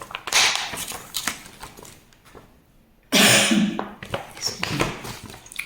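Two abrupt, harsh cough bursts from an adult, separated by a quiet pause, in a small room.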